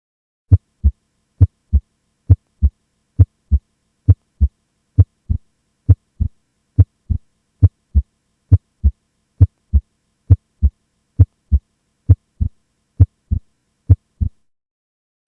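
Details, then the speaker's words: Normal first and second heart sounds (S1, S2), regular lub-dub at about 67 beats per minute, played as a reference before a mechanical aortic valve replacement click. "I'll give you an example of a mechanical AVR click. First I'll play a normal S1 and S2, so those sounds are fresh"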